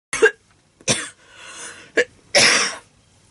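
Four sharp, dry coughs with a short breath drawn in between, in an adult with asthma.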